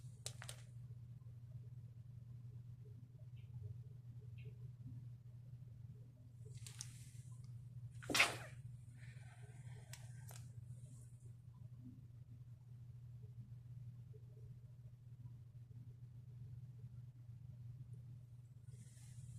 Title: sneeze attack into sleeve #sneeze #allergy